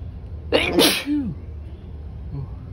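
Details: A single sharp adult sneeze, again at work, with a brief voiced trailing sound over a low background hum.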